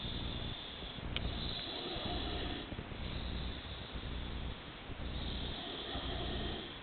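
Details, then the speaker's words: Snoring of a sleeping woman who claims she doesn't snore: loud, rough, rumbling breathing noise recurring about once a second over steady background hiss. "enough noise to waken the dead."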